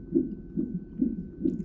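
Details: Fetal heartbeat on a labor-and-delivery triage monitor at 34 weeks' pregnancy, mother with sharp pain and pressure; rapid, regular whooshing pulses about 140 a minute, described as very good and strong.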